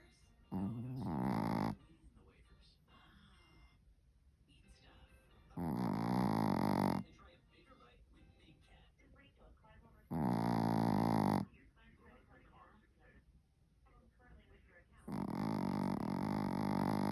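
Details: Dog snoring: loud, rough, rattling breaths about every four to five seconds, roughly 14 a minute, with quiet pauses between.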